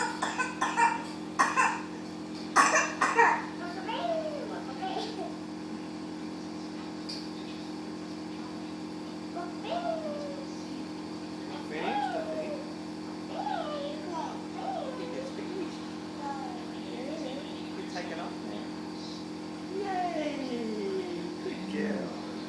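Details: Child with a runny nose, coughing near the end of a hypertonic saline treatment: a quick run of about five loose coughs, then vocalizing over a steady machine hum; productive cough.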